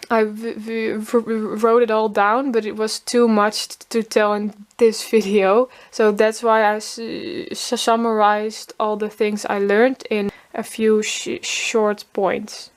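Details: Woman from Holland, formerly a covert stutterer who hid her stutter, now letting it show openly and sometimes stuttering voluntarily; stuttering.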